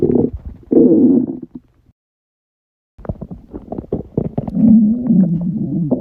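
Loud, low gurgling and rumbling bursts from the belly, with a gap of silence. Bowel sounds, typical of an empty stomach during fasting.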